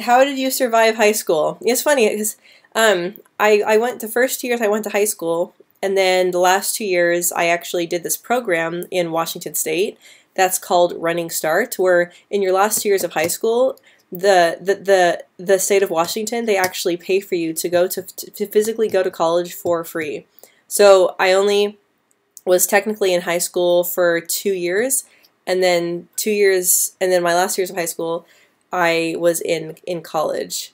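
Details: Female speaker who has stuttered since about age 9 or 10, with repetitions and blocks at word starts or mid-word, especially on P, B and C sounds, worse with anxiety; stuttering.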